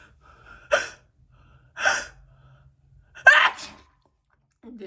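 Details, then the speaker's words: Woman trying to hold in a sneeze gives three sharp sneezes about a second apart, each with a quick gasp before it, in a quiet room; ordinary sneezing. "we gonna see how long i can hold a sneeze in so we gonna try that okay"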